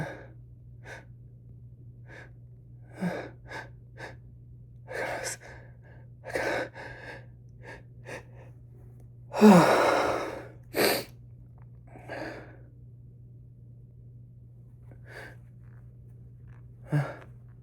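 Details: Repeated sneezing in an adult sick all week with a cold or something more, chills, sore bones, sore throat and congestion; short catching inhalations building to a loud sneeze, then a second burst, over a steady low hum.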